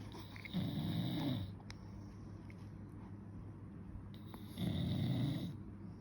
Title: Baby’s reaction towards dad’s snore 😴